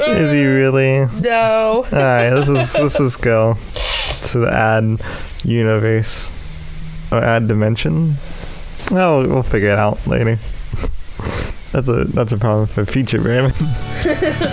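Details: Adult male with cerebral palsy affecting the right side of his body (right leg and arm), which he says also causes his speech impediment; speech impairment (dysarthria) in cerebral palsy.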